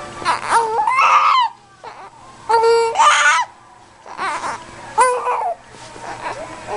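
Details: Loud, high-pitched wailing cries in bursts with gasping pauses between them from an infant with hiccups; infant cry.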